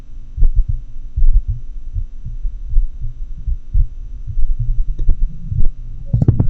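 Low, muffled heart thumps come at uneven, unpredictable intervals, with no steady rhythm, over a constant low hum and a few handling clicks near the end. The irregularly irregular beat is typical of atrial fibrillation, where the upper chambers quiver instead of contracting in an orderly way.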